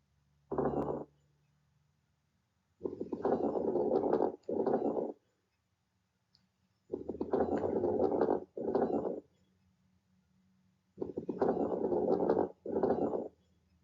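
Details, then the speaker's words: Lung sounds: coarse crackles, loud, low-pitched, bubbling, harsh or moist, recurring in each breath cycle, arising in the bronchi in early inspiration, usually heard at the bases, indicating airway secretions not cleared by coughing. "they can sound harsh or moist and often indicate the presence of lung secretions of words coughing does not clear it"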